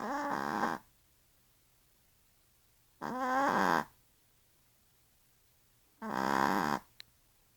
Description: My little yorkie wowow Alice snoring like a big brickie and her little buddy Mr Fudge